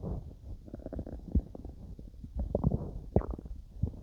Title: my stomach growling while digesting some food